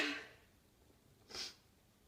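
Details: Sharp, hissing burst of air after a short intake; a single big sneeze.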